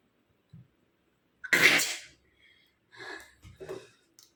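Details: Woman's deliberately provoked sneeze during a sneezing challenge, induced through one nostril, in hot weather: sharp intake, one loud explosive sneeze, then quieter breaths and rustles.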